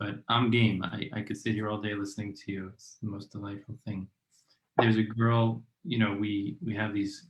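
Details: Real stuttering in an adult male aerospace engineer who self-identifies as a person who stutters.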